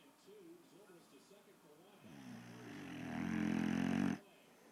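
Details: Cali snoring after a long walk: a soft breath builds into a loud, buzzing, rattling snore lasting about two seconds, then stops; ordinary snoring.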